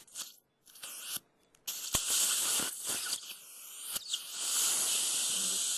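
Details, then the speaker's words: Dental implant site drilling into healed bone-grafted jaw after extraction of a failed root canal tooth, under local numbing, about 5 mm diameter, 13 mm deep: bursts of high-pitched drilling with hissing water irrigation spray and suction. "I'm going to be placing a little hole in here, and then we're going to go from there. Start placing the implant. About a 5 millimeter diameter. Lots of water."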